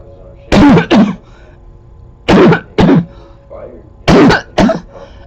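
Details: Long-standing recurrent barking cough, close-up recording from 2014: three pairs of harsh, loud, brassy coughs, each a double bark, with quiet room hum between.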